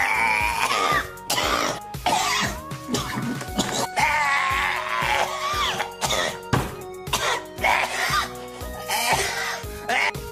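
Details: Many short, sharp coughs and throat-clearing sounds from an adult man, spliced together in quick succession with music underneath: cough.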